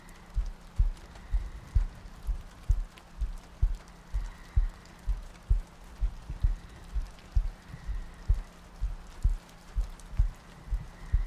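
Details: ASMR sleep-aid loop of a heartbeat with soft breathing and rain ambience: soft, regular low thumps at about 64 a minute under steady rain noise.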